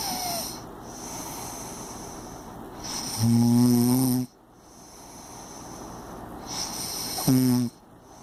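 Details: Heavy snoring: loud, rough, buzzing snores on two breaths in, separated by quieter breathing, about 16 breaths a minute.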